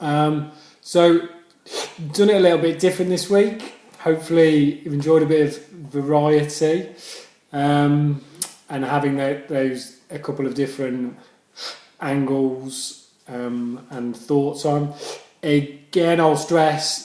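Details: Adult man speaking; stammering.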